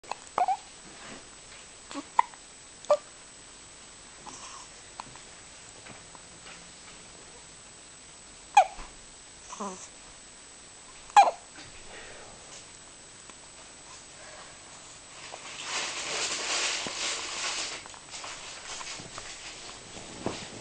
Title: my son , one week old, having a hiccup!